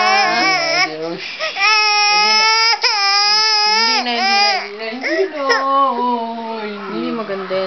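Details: Loud, sustained infant crying from a baby boy, strong clear tone with rising and falling wails and brief catches of breath: vigorous ordinary crying.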